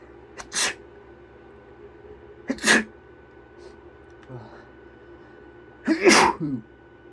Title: Sniffles and sneezes (M)